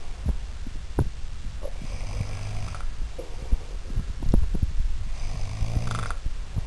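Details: Low rumbling snore-like breaths from a Highlander, with a couple of snorting breaths, amid handling and rustling noise: snoring.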